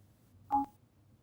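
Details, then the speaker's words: Audible alert tone from a Getinge Servo-u ventilator during the power test of its pre-use check, heard when the unit is unplugged from mains power. "to perform the power test simply unplug the unit listen for the audible tone and plug the unit back in"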